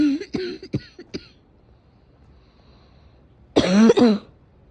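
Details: Ordinary adult cough: a short run of several harsh coughs, a pause, then a louder voiced cough with throat clearing.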